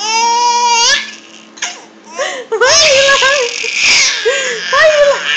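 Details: High-pitched infant vocalizations, a sustained wail then breathy squeals between pauses, partly crying and partly laughing, as the baby reacts to its mother sneezing.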